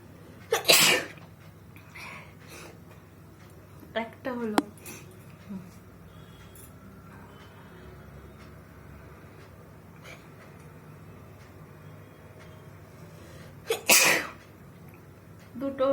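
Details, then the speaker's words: Two loud, explosive sneezes about thirteen seconds apart, with brief talking and sniffing between, self-induced by tickling the nose with paper, eyes watering; ordinary sneezing. "একসঙ্গে দুটো হলো। চলো বন্ধুরা দেখতেই পাচ্ছ কত হ্যাচিও হয়ে গেল আজকে।"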